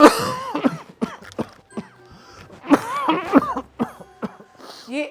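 An adult gives a run of repeated, harsh, acted coughs with a voiced, strained quality and faint music behind.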